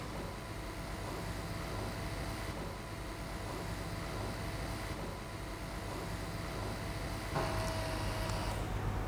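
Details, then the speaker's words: Lucass JASS S50 reclining electric wheelchair, leg rest raised by remote control, each leg adjustable separately: steady low motor hum with a faint whine under room noise. "và phần nâng hạ phần chân thì tùy theo mức độ của chúng ta thấy chứ như thế nào là chúng ta nâng hạ được thoải mái thì chúng ta có thể điều chỉnh bằng cái remote này chân thì chúng ta có thể nâng được từng chân trái chân phải"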